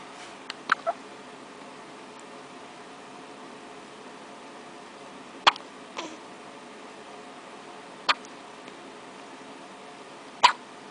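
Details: Soft, abrupt little catches a few seconds apart, about a dozen a minute, in a quiet room, from a baby girl; infant hiccups.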